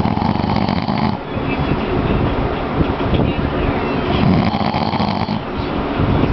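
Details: Adult man (dad) snoring while asleep at about 2am: loud, rough, rumbling snoring, barely easing between breaths.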